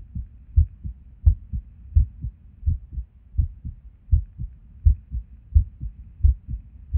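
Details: Resting heartbeat recorded while sitting at a desk: low thumps about 85 a minute with an uneven rhythm, some beats early or missing, an irregular skipping heartbeat with skipped beats.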